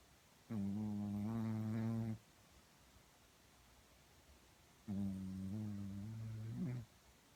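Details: Sleeping dog snoring, recorded on a phone with background noise; two long, steady, buzzing, voiced snores on the in-breath with a quiet pause between.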